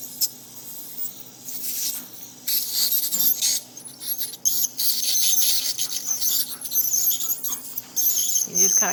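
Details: Ultrasonic scaler with cooling water spray removing calculus from a sedated dog's teeth, including a tooth likely to be extracted: high-pitched hissing whine coming and going in bursts along the teeth.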